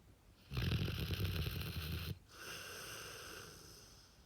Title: Pupper snoring…Very LOUDLY!